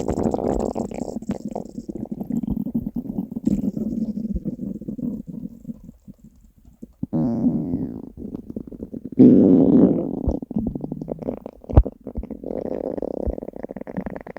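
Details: Hunger stomach growling from a compilation of three years of recordings: long, bubbling, gurgling rumbles with brief pauses; borborygmi.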